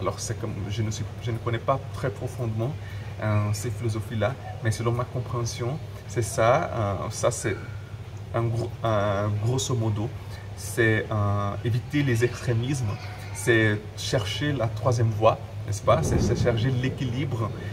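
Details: Adult man who stutters, speaking French, with word and phrase repetitions; stuttering.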